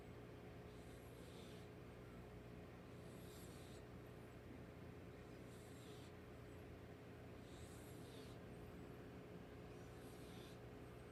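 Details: Cat snoring: soft, rhythmic hissing breaths about every two seconds, roughly 27 a minute, over a steady low room hum.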